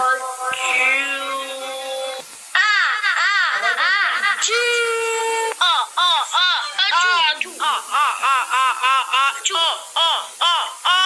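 Loud, high-pitched wailing in rhythmic bursts with short gasps between, after a longer opening wail: a vigorous infant cry.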